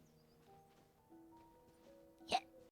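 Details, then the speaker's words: A single sharp hiccup over soft background music while a streamer talks, then apologizes for getting the hiccups all of a sudden. "yeah sorry got the hiccups all of a sudden"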